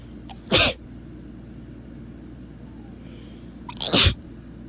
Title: Strong sneezes